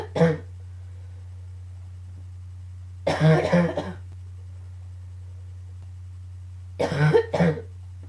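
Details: Coughing fit with throat clearing, possibly combined with allergies; three short cough bursts over a steady low hum, and no clear sneeze heard.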